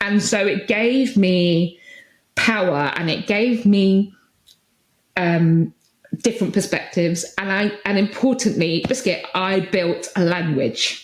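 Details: Adult woman with Tourette syndrome, tics since about age 6 that intensified in her early 20s, with vocal tics of repeated words such as "biscuit" and "hedgehog" and sometimes coprolalia; Tourette syndrome vocal tic.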